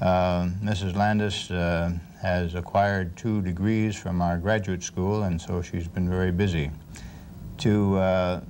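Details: Adult woman; normal speech.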